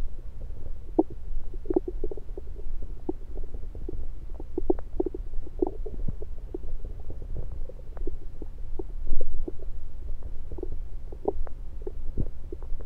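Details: Stethoscope moved around the belly: low rumbling with scattered soft gurgles and pops; ordinary bowel sounds.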